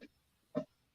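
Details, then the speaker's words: An adult woman snoring, heard faintly over a call line as a brief grunting, snort-like snore with a shorter sound just before it: snoring. "Yeah. No, right now my wife is snoring in my ear. Do you hear her snoring? I thought that was your dog."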